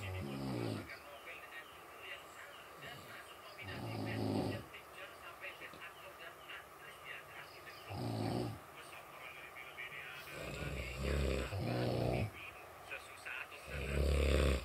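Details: Repeated low, rattling snores, several in a row, with background chatter and noise; ordinary loud snoring.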